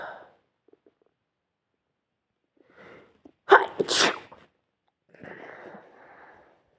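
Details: Induced sneezing: a short intake of breath followed by one sharp, explosive sneeze, then quieter breathing.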